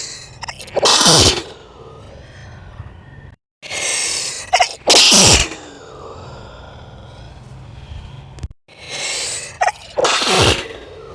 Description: This is a slowed down version of my most recent video 20 Sneezes video.